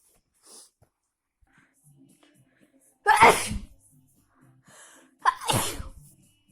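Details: Two loud, forceful sneezes a couple of seconds apart in a quiet room.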